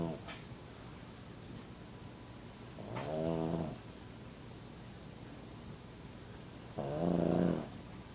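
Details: Pug having a snooze: two loud, buzzing snores about four seconds apart over steady room noise, roughly 15 breaths a minute; snoring.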